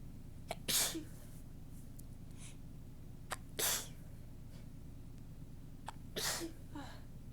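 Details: Soft, tickly sneezes while talking, each with a quick breath in before it, in a quiet room; the sneezer says they are already all stuffed up.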